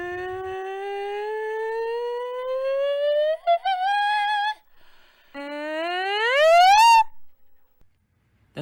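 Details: Normal upward pitch glide on request to raise pitch, showing cricothyroid muscle lengthening the vocal cords as expected.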